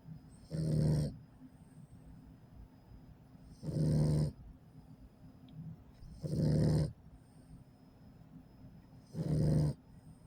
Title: Listen!!! He is 8 weeks today! 2 mile walk and snoring like a boss! #Pittbulls #PittNation #Onelove